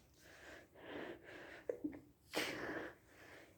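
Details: A person with a cold, trying to stay quiet at school: breathy sounds, a couple of catching inhalations, then one sharp, stifled sneeze.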